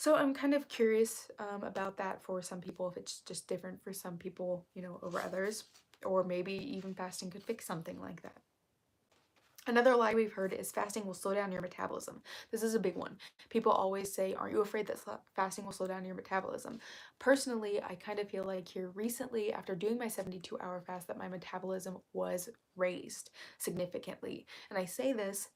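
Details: Woman with self-described really bad current vocal fry, which she attributes to speaking quietly so as not to disturb someone in the next room; vocal fry.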